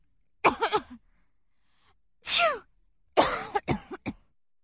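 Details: Royalty-free sound effect of an adult woman sneezing: a voiced build-up followed by sharp, breathy bursts, an acted sneeze.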